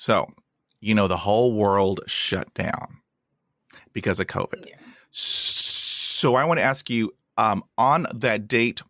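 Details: Adult male host of a podcast by and for people who stutter, introducing a guest; an audible part-word or word repetition; stuttering.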